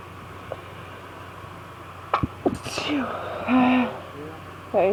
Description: Allergy fit with random sneezes and my husband blessing me :)